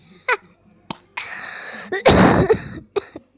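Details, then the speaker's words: Adult's ordinary cough in a small room: a few short throaty bursts, then one loud harsh cough, while the person is recording a reaction video and jokes about the cough. "Awas ya guys ya. Batuk saya mengandung virus-virus humanitis yang bisa menyebar lewat suara."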